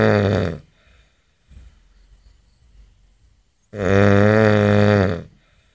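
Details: Adult man snoring, recorded May 17, 2011: two loud, deep, rattling snores with a quiet pause between; typical heavy snoring.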